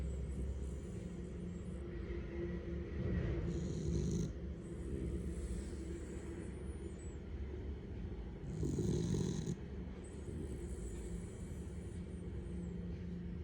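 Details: Soft, low rumbling snore with steady rhythmic breathing, likely a sleeping cat, under steady background hum; snoring.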